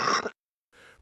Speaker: Productive cough - Wet, heavy. Expels mucus from the lower airways in bronchitis or pneumonia.